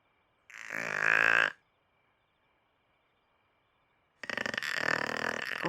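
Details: Pet dog snoring at night while the owner tries to sleep: two loud, rasping, fluttering breaths separated by a silent pause; heavy snoring.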